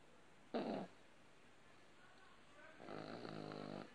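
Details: Sleeping pug snoring very loudly: a short snort, then a longer vibrating, rattly snore, the noisy sleep breathing of a flat-faced dog.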